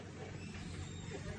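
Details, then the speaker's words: Puritan Bennett PB840 ventilator (for adult, pediatric and neonatal patients) running on battery with its compressor, ventilating at 100%; a steady low compressor hum with no alarm tones, described as nearly soundless; mechanical ventilator running. "बिल्कुल sound less इसका compressor है। कोई आवाज नहीं है।"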